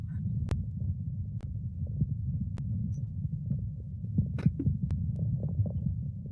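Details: Low, rolling rumble with faint crackles that swells briefly, auscultated over a goat's left flank during a veterinary clinical-exam class on counting rumen movements: a normal rumen contraction.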